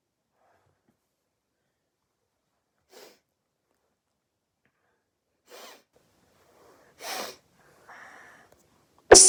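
Three quiet sneezes at irregular intervals, followed by a loud final burst; a plain sneezing bout with a cold.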